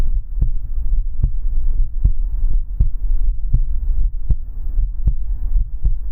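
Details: Steady, regular low thumping heartbeat at about 78 beats a minute over a soft low hum, relaxation recording: heartbeat.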